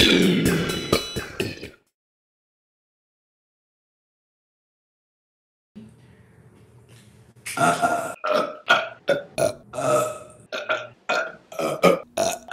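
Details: Compilation of a female's burps, recorded June to November 2022: a long drawn-out belch, a pause, then a run of rapid short belches, about two or three a second.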